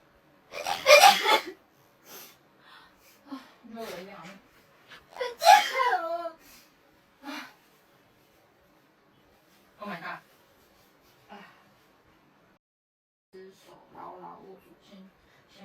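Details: Sneezing during a Covid-19 nasal swab test: two loud sneezes followed by several smaller sneeze-like bursts and gasps, repeated uncontrollable sneezing after nasal swabbing.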